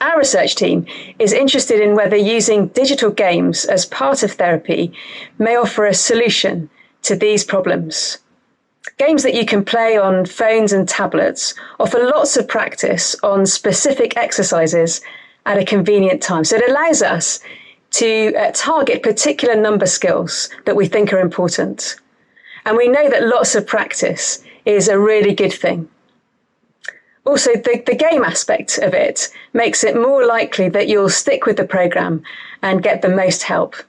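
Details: Adult woman speaking; no disorder.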